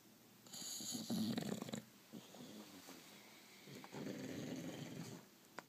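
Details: Rough, rattling snoring with a loud snort and some room noise from a sleeping, lazy bulldog; typical noisy breathing of a flat-faced dog; snoring.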